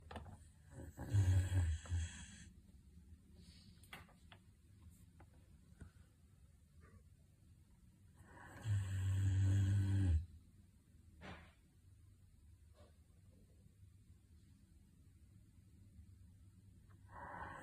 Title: Giant dog snoring#dog#funny